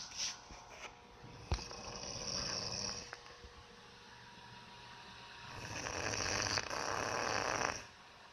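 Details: A sleeping female dog snoring, recorded close up: two long, noisy, rattling breath sounds with a faint click between them.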